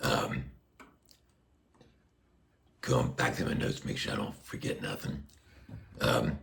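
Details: Adult man with a tracheostomy placed less than a year earlier after neck cancer surgery, speaking through a Passy Muir one-way speaking valve; reports restrictive, squeezing vocal cords and constant pressure; speech through a tracheostomy speaking valve.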